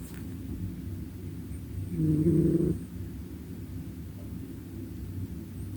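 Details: A single loud, low, rough, fluttering snore lasting under a second from a cat asleep in a garden, over steady outdoor background rumble: snoring.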